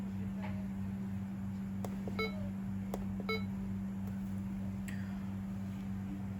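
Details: Primedic DefiMonitor EVO defibrillator-monitor connected to a simulator sending a normal rhythm at about 70/min: monitor beeps and clicks over a steady room hum, marking the QRS complexes.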